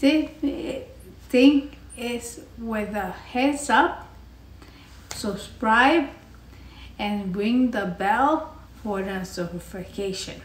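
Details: Adult woman after a basal ganglia intracerebral hemorrhagic stroke (Thanksgiving 2019), repeating, restarting phrases and substituting words while attempting a familiar outro: non-fluent aphasia with apraxia of speech.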